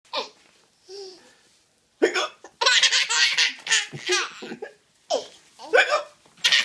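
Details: Baby boy laughing at his own hiccups: a brief hiccup-like catch followed by bursts of infant giggling and laughter; hiccups.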